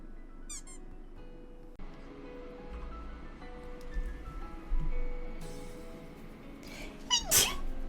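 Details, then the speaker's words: Streamer with a runny, sniffly nose, background music and room noise, then a sudden loud burst of two quick sneezes in a row. "Why does it always sneeze twice in a row?"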